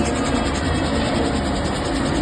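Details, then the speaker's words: Steady loud rushing airflow with a motor hum as a cough assist device delivers its inspiratory push; cough assist device insufflation. "انا هعمل انشن ددخل بص هيعمل ايه دلوقتي تعملي كده بص هو اصلا دخل هوا"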